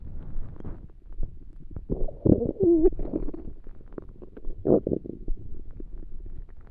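Low gurgling rumbles and a few drawn-out squeaky growls from the abdomen: stomach growling of hunger, an ordinary finding.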